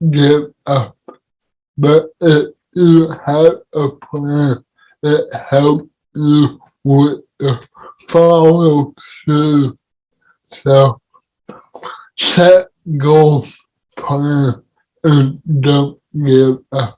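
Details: Adult man with cerebral palsy; dysarthria in cerebral palsy.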